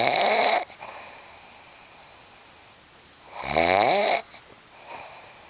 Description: snoring